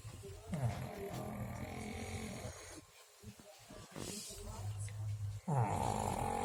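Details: Sleeping pug: loud, low, rattling snorts on each breath with quieter snuffling between; heavy snoring.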